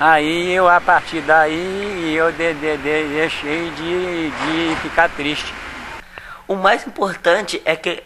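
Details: Adult man who has stuttered since birth, with audible repetitions; stuttering.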